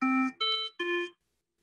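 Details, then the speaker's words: Redesigned musical medical device alarm replacing standard hospital beeping: three clear, steady tones at different pitches, about a third of a second each. "Schutz and Slesinger are taking the old melodies and changing the standard beeping to something more musical."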